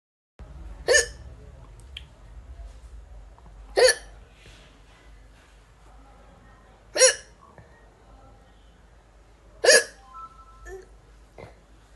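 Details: Indian woman: four sharp, abrupt voiced catches about every three seconds, roughly 20 a minute, over quiet room noise; hiccups.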